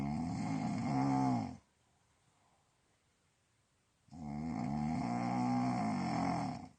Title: Snoring ? OMG !Cheer up everybody its Christmas !